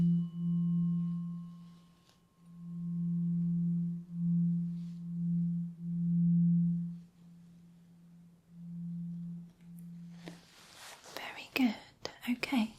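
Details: Tuning fork in a role-play ASMR hearing test: steady pure ringing tone that swells and fades as it moves, then soft rustling.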